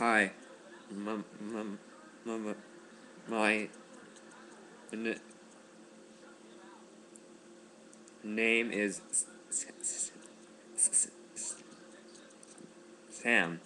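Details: Man who stutters and has just begun speech therapy, deliberately demonstrating voluntary stuttering as practised in group therapy introductions; voluntary stuttering.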